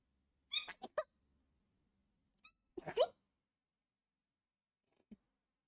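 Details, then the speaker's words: Two quick, high-pitched, muffled sneezes, each a short squeaky intake and sharp burst, then a faint sniff, from a live streamer with sniffles who is unsure what triggers it; noise suppression partly muffled the sound; sneeze. "Um, please excuse the sneeze, the sniffles. Bless you. Thank you, guys."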